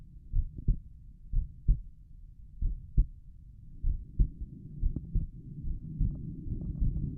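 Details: Normal resting heartbeat heard at Erb's point while lying down relaxed: steady paired lub-dub sounds at about 47 beats a minute, with a rising rustle toward the end.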